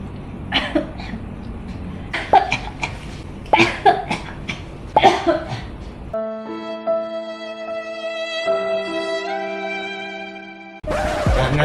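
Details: Several acted adult cough bursts in the first six seconds, followed by sustained background music: a cough.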